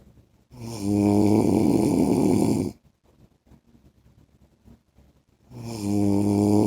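Loud, rough, buzzing snores on inhalation, each about two seconds long, separated by quieter breathing. Typical heavy snoring during sleep.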